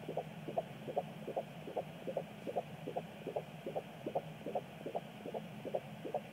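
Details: Pregnancy at 16 weeks 4 days, handheld Doppler: a rapid, regular whooshing fetal heartbeat at about 150 beats a minute; fetal heartbeat.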